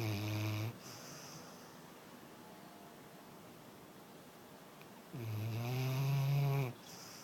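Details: Deep, droning snores on inhaling, one at the start and a longer one near the end, with quiet breathing between; snoring during sleep.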